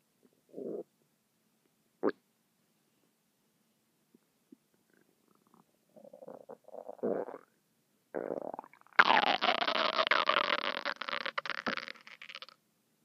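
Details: Short gurgles and squeaks building to a long, bubbling rumble near the end, from a stomach making noises non-stop for 10 minutes: stomach rumbling (borborygmi).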